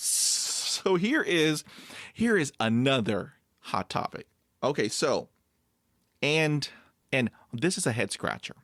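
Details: Adult male with overt stuttering who blocks on everything, then breathes and moves on; stutters even when alone, had about 20 years of speech therapy, and 'p' sounds once came out like a kiss; stuttering.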